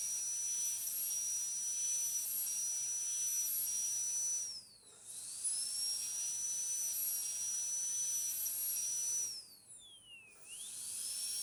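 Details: High-speed dental handpiece with a short tapering needle bur breaking the mesial and distal contacts of tooth 46 in a metal-ceramic crown preparation demonstration: a steady high whine dips in pitch twice under load while removing the enamel shell.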